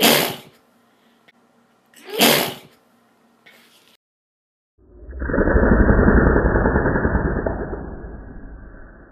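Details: Adult sneezing without bottom denture, towel held in front; two sharp explosive sneeze bursts with a quieter third, followed by a long rushing noise.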